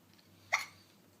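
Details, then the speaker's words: Young child having hiccups; an adult says they have hiccups too and tries to scare them away. "You got hiccups? I have hiccups too. It's going around."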